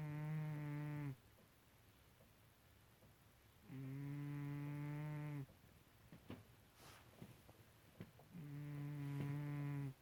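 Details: A sleeping cat snores loudly: three low, buzzy humming snores, each about a second long, separated by quiet pauses at roughly 13 per minute.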